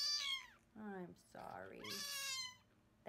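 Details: A kitten with upper respiratory infection, wrapped for tube feeding as the tube goes down the left side of her throat, gives several high, thin meows, one rough and bubbly with wet gargling from upper-airway mucus.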